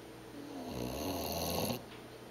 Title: Jack the bulldog and Teddy the cat snoring and sleeping